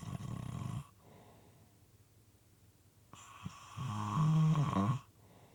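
Rattling snores with a wet, gurgling quality and uneven gaps between breaths. Moist, irregular snoring.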